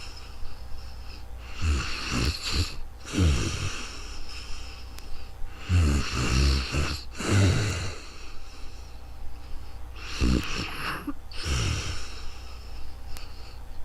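Loud, rattling, fluttery breaths at about 15 a minute, with snorting on the in-breaths; snoring.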